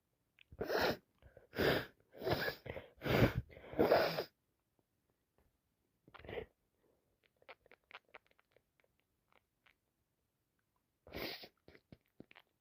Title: Allergies in full , just bought some flowers and can't stop sneezing